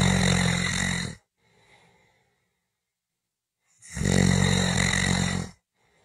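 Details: Two loud, rough, rattling breaths about three seconds apart, with a faint exhale between them: typical snoring.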